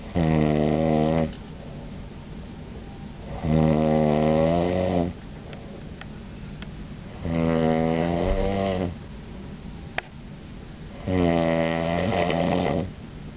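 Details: Adult man snoring on a cruise, attributed to an allergy to down pillows: loud, rattling snores about every four seconds, roughly 17 breaths a minute, with quiet exhalations between them.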